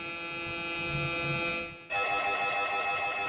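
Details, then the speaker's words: Loud, steady electronic droning of an fMRI scanner with a sudden pitch shift partway through; MRI scanner noise. "You just lay chill in the scanner, listen to this nice task, perhaps at the exception, just for people who don't do fMRI, to keep in mind that the fMRI sounds like this."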